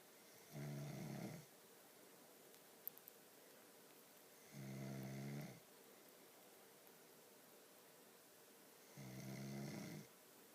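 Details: Three low, rumbling snores about four seconds apart, roughly 14 breaths a minute, with quiet room noise between; snoring.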